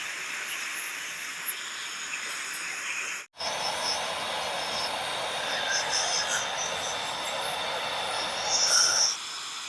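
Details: Dental scaling with an air-flow polishing device after plaque disclosing dye, cleaning stains and tartar between teeth: continuous high hiss of spraying air and water with a brief break.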